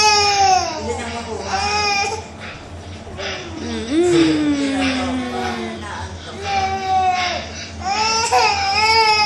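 Repeated wailing cry bursts from a baby with short breaths between, steady low room hum beneath; ordinary infant crying.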